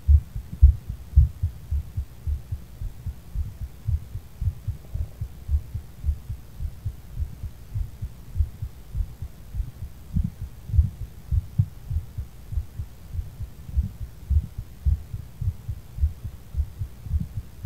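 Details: Steady, low thumping heartbeat, fast at roughly 110 beats a minute, with a faint background hum, recorded after smoking weed; fast heartbeat.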